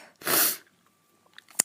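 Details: Adult feeling run down and unwell, with a little coughing: one sharp, high-pitched sneeze, a hissing burst of about half a second, then quiet.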